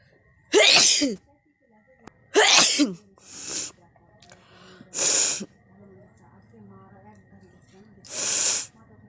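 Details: Five sneezes in quick succession over about eight seconds during a sneezing challenge: sharp explosive bursts with faint background music and a steady hum; sneezing.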